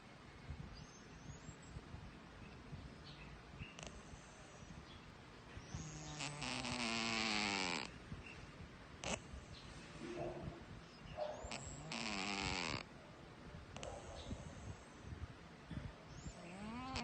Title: Cute scottishfold cat snoring!!!